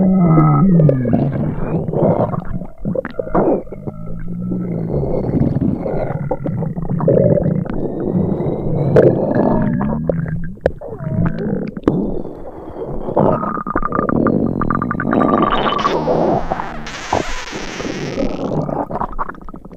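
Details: Sound-effect recording of an upset stomach: continuous low gurgling and groaning rumbles with bubbly pops; stomach rumbling.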